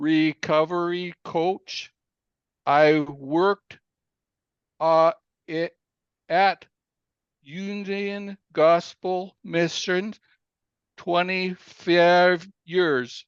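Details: Aphasia following a stroke in April 2019 that came after a cardiac arrest, in an adult man telling his story with a story coach's support; aphasia.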